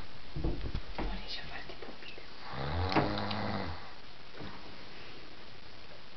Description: a dimostrazione che russa!